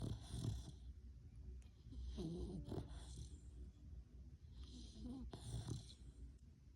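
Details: Dog snoring: faint, noisy snorting breaths with soft rattling snores against steady background hiss; snoring.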